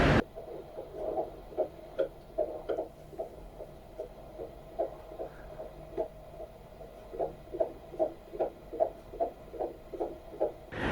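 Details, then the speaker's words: Third pregnancy, first antenatal check in Norway, heard at ultrasound: rapid, regular whooshing pulses at about 150 a minute over a low hum; fetal heartbeat described as completely normal. "आज पहली बार मैंने जो है baby की दिल की धड़कन सुनी जो बिल्कुल नॉर्मल थी बहुत अच्छी सी लगी सुनके"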